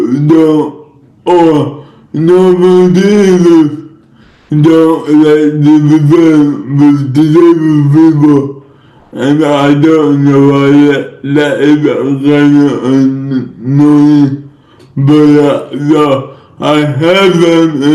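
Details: Male influencer with cerebral palsy, no specific speech disorder named; dysarthric speech in cerebral palsy.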